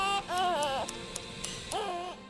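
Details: Two short, high-pitched wailing cries from a newborn boy, separated by a pause, with soft music behind. He was born to a mother in a high-risk pregnancy unit, weighs 3 lb 15 oz, and is large for gestational age.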